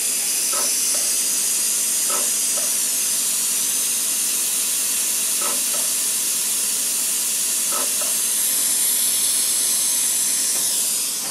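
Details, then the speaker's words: Continuous hiss with faint crackling pops as a DEKA CO2 dental laser (level four, frequency 50, about 5 W) dries and pops cold sore vesicles on the lip one blister at a time, during a treatment study. "now I'm just going to do are tall one little blister at a time is it okay y so we're drying up those vesicles kind of Pops the"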